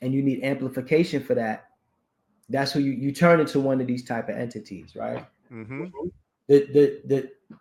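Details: Adult man who is deaf, with a speech impediment due to his deafness; he cannot hear his own enunciation and has to guess finer points of pronunciation; deaf speech.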